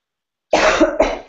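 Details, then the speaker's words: Adult speaker apologizes for "a little cough": two quick coughs in close succession after a moment of silence, in a quiet room. "Excuse me. Okay, so we'll stop here. Excuse me, I have a little cough."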